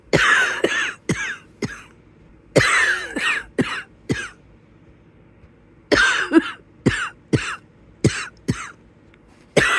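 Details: Wheezy cough in bed at the beginning of the illness: two fits of repeated harsh coughing, about a dozen coughs, with whistling wheezy tones in several bursts.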